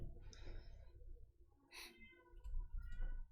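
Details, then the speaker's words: Faint, distant infant crying with high, wavering wails and a sharper cry burst behind low room noise and a gamer's commentary; he asks if the baby can be heard. "can you hear the baby crying yeah that's my life now"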